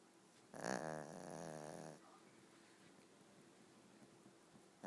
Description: Lol sassy sleeping with her eyes open and snoring.